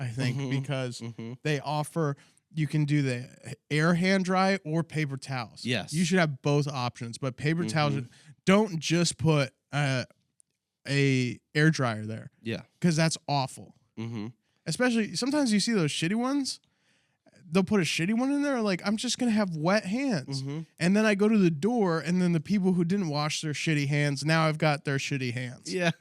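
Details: Adult male speakers in conversation; ordinary conversational speech.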